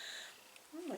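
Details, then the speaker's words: Brief, rising, squeaky stomach growl during chit-chat while sewing pattern prep, over quiet room hiss: ordinary stomach growling (borborygmi) from gas and fluid moving through the gut. "my stomach has grown did you hear that oh"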